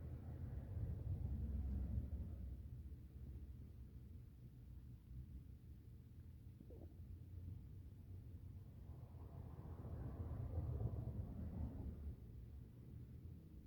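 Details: Low rumbling, gurgling stomach sounds in two main bursts with a brief squeak between, from someone digesting a meal: normal digestive growling.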